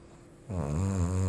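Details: A friend staying over snores loudly enough to keep others awake: a single loud, low buzzing snore rising out of quiet breathing; snoring.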